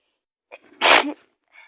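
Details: Acted sneeze by a woman playing a sick person with fever: a quick in-breath, then one loud burst sneeze.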